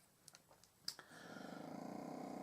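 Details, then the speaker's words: Noisy fluttering, rattling snore of a female puppy asleep and snuggled in her bed indoors, after a few light taps; owner calls her the noisiest snorer and says she snores persistently despite attempts to stop it. "That dog, that noise is my puppy snoring still again, whatever. She's the noisiest snorer in the world, and she's all snuggled up in her bed in my craft"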